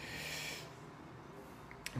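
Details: Snort during a chiropractic bone-setting (Tit Tar) session for lower back and neck pain: a brief, forceful, hissing nasal exhale, then quiet room noise and a faint click.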